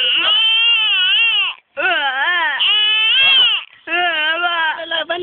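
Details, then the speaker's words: Infant crying with real tears: loud, wavering cries in long bursts with brief gasping pauses, about three cries over five seconds. "Wawa. Wawa. Totoong iyak e. May luha na eh."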